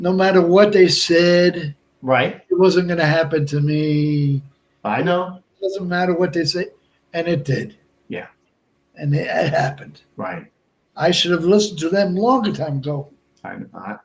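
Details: Adult male stroke survivor and heart transplant recipient with Broca's aphasia for over 8 years after a stroke in March 2011, with short utterances, laborious word-finding and more difficulty with verbs than nouns; Broca's aphasia.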